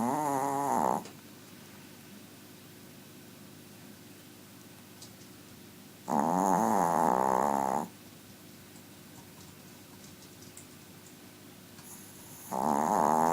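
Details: Very small sleeping dog snoring very loudly: long, loud, buzzing snores on each breath, about every six seconds, with quiet pauses between.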